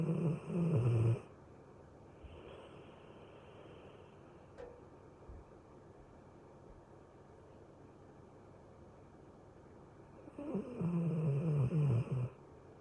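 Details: Two low, rumbling snores about ten seconds apart, with a quieter breath and room hum between them; snoring.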